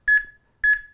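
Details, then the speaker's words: HeartSine 500 AED used during CPR training on a mannequin: two clear, evenly spaced metronome beeps about a half second apart, pacing chest compressions with real-time feedback. "the unit tells you that as well so it's giving you lots of help with your CPR whether you're doing fast going too fast you're going to do the actual unit is telling you that that's the case"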